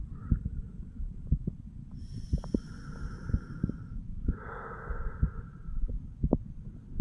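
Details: 34-year-old man self-auscultating his chest over the mitral, tricuspid, pulmonary and aortic valve areas: steady paired heart thumps at about 60 beats a minute; normal heart sounds.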